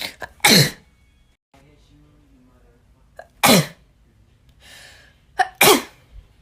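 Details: Natural sneezing: three sharp sneezes, some preceded by a short intake of breath, in a quiet room.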